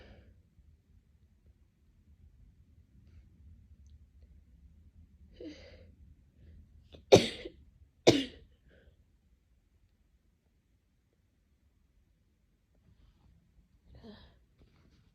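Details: Two sharp, explosive human sneezes about a second apart, with faint breaths before and a soft sniff afterward in a quiet room; sneezing.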